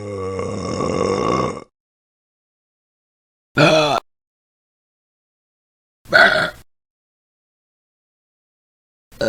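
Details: A long, drawn-out burp followed by short separate belches, from a royalty-free sound-effect compilation: burping.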